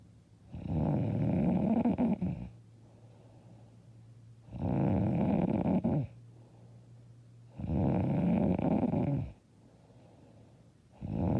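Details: Loud, rough snores on each breath in, about three in 11 seconds, with quiet breathing between; heavy, loud snoring during sleep.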